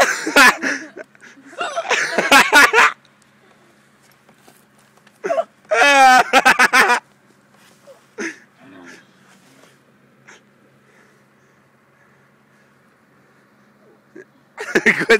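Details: Person with hiccups: short, abrupt voiced catches mixed with laughter and talking in a room.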